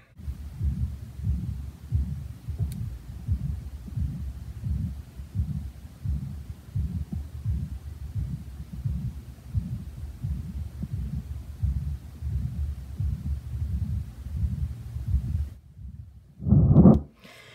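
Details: Severe mitral regurgitation from mitral valve prolapse, self-recorded before surgery with a smartphone stethoscope app next to a speaker: rapid, muffled heartbeats with a continuous low whooshing murmur between them.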